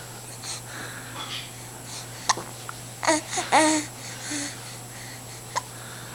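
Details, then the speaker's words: Infant boy with hiccups: babbling and fussing with a pouty face, broken by several short, sharp catches of breath, over faint background hum. "do you have the hiccups do you have the hiccups poor guy it's a big pouty face there"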